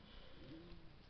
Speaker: uh not sure if you can hear that that was my stomach